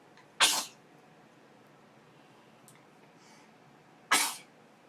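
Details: Sneezing: two sharp, explosive sneezes a few seconds apart in a quiet room.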